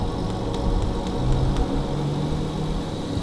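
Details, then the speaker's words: Yuwell 8F5A 5L oxygen concentrator just switched on at its two power switches, with humidifier and nasal cannula attached: steady low motor hum with faint regular soft clicks, the concentrator running normally. "Plug the power cord into the electrical socket. The Yuwell 8F5A OC has 2 power switches, one behind and one in front. Turn the switches on."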